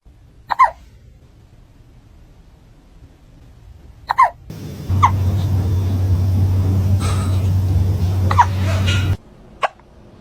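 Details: A cat hiccups after eating its food too fast: brief, abrupt little chirping gasps repeating every few seconds, partly under a steady hum.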